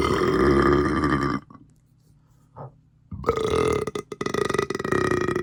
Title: comp of my loudest burps recently